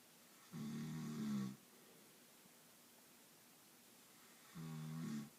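Two loud, low, rattling snores on breathing in, separated by a quiet pause of about three seconds; ordinary snoring.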